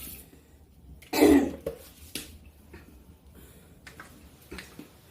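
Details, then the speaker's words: Adult with a chesty cough, fever, phlegm in the chest and breathlessness: one harsh cough burst followed by a few softer throat-clearing sounds in a quiet room. "അതായത് നല്ല ചുമയും പനിയും ഒക്കെയാണ് നെഞ്ചത്ത് ശ്വാസം കഫം കിട്ടി ശ്വാസം മുട്ടൽ ഉണ്ട് അപ്പൊ അതിന്റേതൊക്കെയാണ് ചെറിയൊരു സൗണ്ടിൽ വ്യത്യാസം വരുന്നത് കേട്ടോ"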